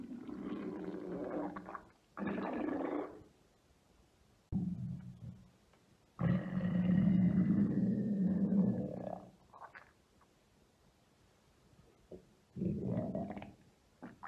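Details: Adult woman's abdomen, ASMR recording of deep tummy and belly rumbles: deep, irregular gurgling and rumbling bursts, typical of ordinary bowel sounds (borborygmi).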